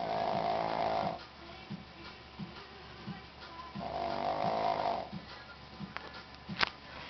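Two long, buzzing, vibrating snores on breaths in, with snuffly clicks and faint background music between them. Snoring.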